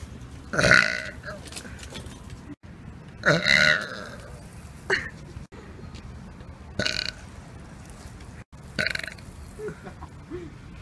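Several loud, throaty burps at irregular intervals over steady outdoor background noise.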